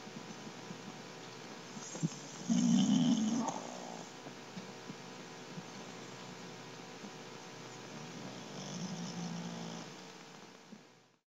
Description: This is my new Shar Pei puppy, Sir Winston Churchill. He's 3 months old and snores a LOT!